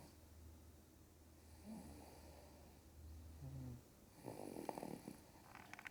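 A low, steady rumbling snore from a sleeping dog, with a few higher nasal whistles and a louder snorting breath near the end; snoring.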